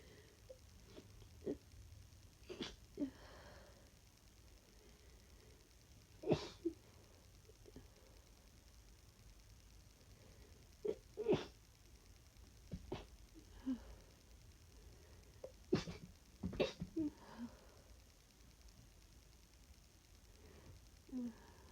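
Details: Exhausted adult with flu, real-time sneezing fit: repeated soft, suppressed sneeze bursts that cannot reach full force, with sniffs and catches of breath between them.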